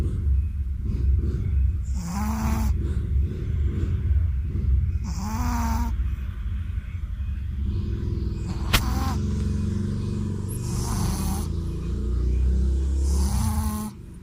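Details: Shih Tzu dog snoring in sleep after a bath: slow rhythmic rasping snores, roughly one every three seconds, over steady low rumbling background noise.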